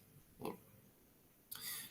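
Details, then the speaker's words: An adult imitates stridor, which is described as audible without a stethoscope in children with many secretions: a brief snorting, grunt-like noise, then a harsh hissing breath. "Lo mismo que el estridor, ¿sí? Hay niños que tienen muchas secreciones y se escucha ese estridor."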